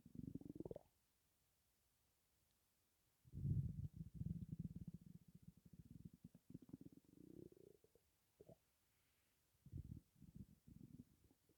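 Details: Low gurgling, bubbling stomach rumbles in bursts with quiet gaps, occurring with breathing in and out; gas and air in the gut, possibly from hunger; borborygmi.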